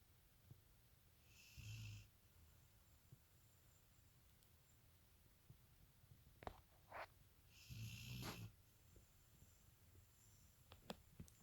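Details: Sleeping chocolate labrador: two low, rattling snores about six seconds apart with soft snorts and clicks between them; snoring.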